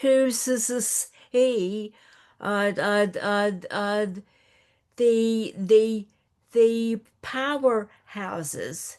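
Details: Stuttering in an attendee of a stuttering association support session, with audible sound and word repetitions.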